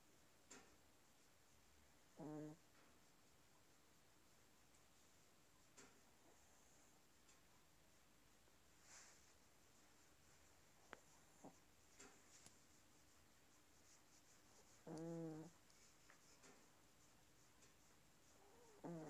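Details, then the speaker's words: Chihuahua snoring while asleep: short, faint, squeaky nasal snores at irregular intervals in a quiet room. "Hello? Are you snoring? Are you snoring? You're a little snoring chihuahua."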